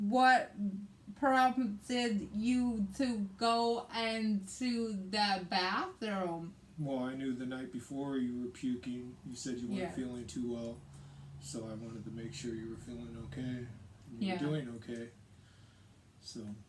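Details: Aphasia in a woman after a hemorrhagic stroke on May 19, 2020, with right-sided hemiparesis, brain surgery and an ICU stay; the aphasia also affects her reading and writing.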